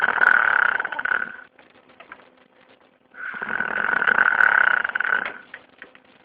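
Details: Loud, harsh, buzzing breaths about three seconds apart, separated by quiet gaps; snoring with a rough, higher-pitched flutter.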